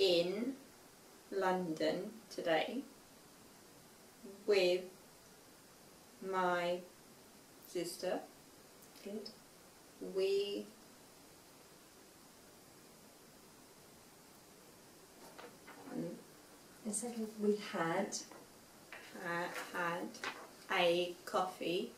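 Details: Aphasia affecting speech, reading and writing in a young woman five years after a stroke at age 18; some words are hard for her to say.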